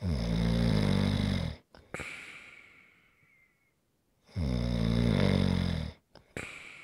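Long, deep rattling snores on the in-breath, each followed by a soft, airy out-breath. Loud adult snoring.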